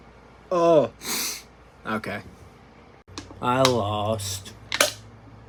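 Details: An adult sneezing after sniffing a handful of ground pepper: a rising voiced 'ah' breaks into an explosive, hissing burst, then more voiced sounds and another sharp burst, in a small quiet room.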